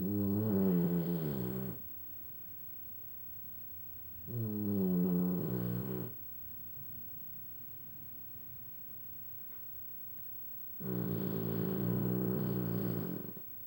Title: Lily snoring pt 2